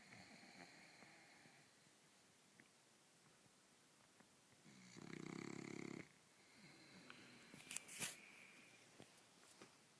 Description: Winston has a habit of sleeping in bed like a human... Only this time he snores (not like me)!!!